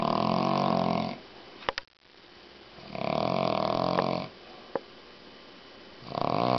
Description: Is it a man? Is it a woman? Is it a bullhorn? We'll never find out but I bet you've nver heard snoring like this before.